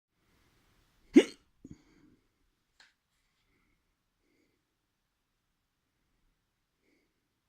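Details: A single sharp hiccup with an abrupt throat catch, then quiet, recorded while the person experiments with their own hiccups.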